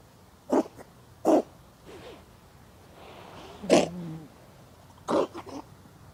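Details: Stray lap cat sneezing about four times, short sharp bursts with small purring or chirping sounds between; the owner wonders what the cause is.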